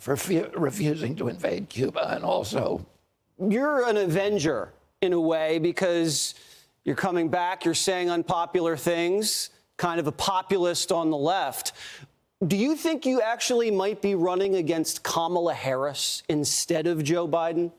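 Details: Adult male speakers in conversation; speech.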